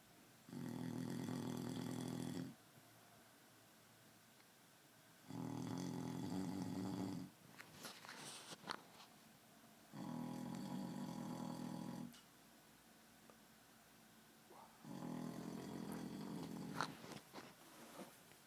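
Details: An adult man asleep, snoring very loudly: low rattling snores about two seconds long on each breath in, roughly every five seconds, with quieter breathing between.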